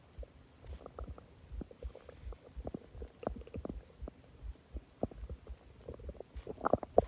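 Quick runs of soft gurgles and pops with low groaning rumbles, ordinary loud stomach growling after a large meal.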